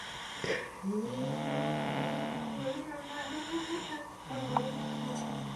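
Drawn-out, tonal, droning snores with a vibrating, whistling edge through the breaths; snoring.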